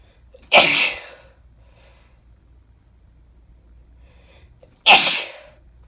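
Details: Woman with bad summer hay fever: two forceful sneezes a few seconds apart, each with a sharp burst and trailing breath; repeated sneezing.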